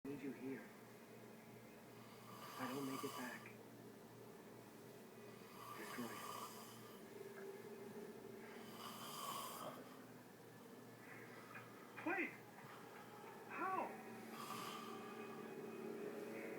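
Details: Adult snoring, attributed to too much alcohol: rough, rattling snores with each breath in, roughly every three seconds, over quiet room noise; ordinary snoring.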